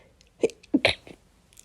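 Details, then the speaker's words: A quick run of three small, stifled sneezes within about half a second in a quiet room, in a person who says they get sniffly and sneezy when it rains, after rain all night; sneezing. "it was it was um raining all night and um it's typically when it rains [Applause] clearly when it rains I do tend to get quite um sniffly Sneezy [Music] as you can see"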